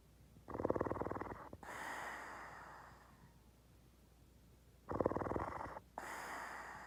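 Two loud rattling snores, each a fluttering inhale followed by a hissing exhale, about four seconds apart; snoring.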